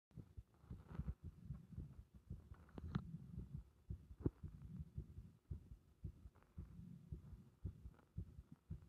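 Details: Compressed (muffled) heart sounds with arrhythmia: low heart thumps at roughly 110 a minute with an uneven, irregular rhythm.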